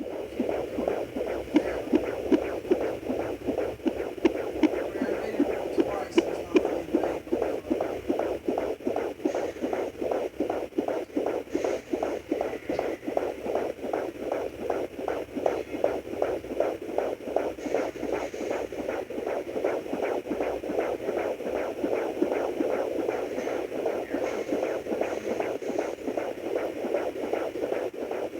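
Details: Fetal heartbeat at 22 weeks of pregnancy on a Sonoline B home fetal Doppler: rapid, regular whooshing beats, about 158 per minute.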